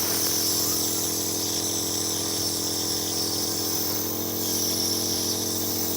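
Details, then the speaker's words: Home compressor nebulizer demonstrated running with only water in the cup and a mask attached, giving a steady, loud mechanical buzzing hum with hiss; nebulizer compressor running. "ठीक है दोस्तों, ये ऐसे काम करता है। दोस्तों ये तो आपको नाक से भाप देने के लिए है।"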